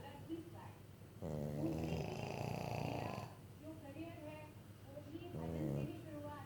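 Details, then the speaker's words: Two long, loud, buzzing snores over low background noise from a sleeping pug, a flat-faced dog; snoring. "He is also snoring."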